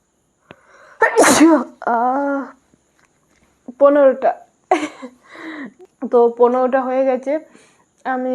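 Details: Sneezing challenge recording: a sharp, explosive sneeze followed by voiced talk and laughter-like sounds.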